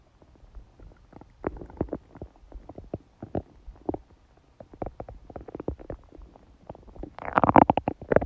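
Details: Woman during menstruation with dull abdominal pain: irregular bubbling, squelching gurgles building to a louder sustained rumble; active bowel sounds, stomach growling (borborygmi).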